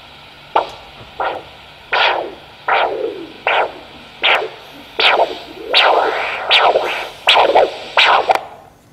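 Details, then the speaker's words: Pocket Doppler at the right elbow crease over the brachial artery during ankle-brachial index measurement: the arterial signal reappears on cuff deflation at 120 mmHg systolic. "réapparition du signal a été à 120 mm de mercure donc je note sur mon compte rendu numéral pression humérale droite 120 mm de mercure"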